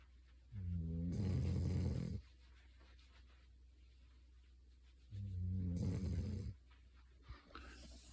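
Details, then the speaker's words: A sleeping dog snoring: two loud, low, buzzing snores on breathing in, about 13 breaths a minute. "Well, she's snoring."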